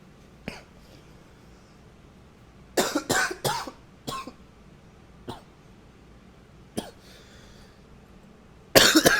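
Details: Coughing recorded with a new high-fidelity microphone: several coughs, some single and some in a short run, in a quiet room, ending with a loud nose-blowing noise.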